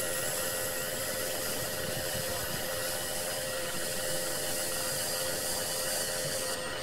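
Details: Nebulizer running with an oxygen cylinder, continuous white noise recorded for relaxation and sleep.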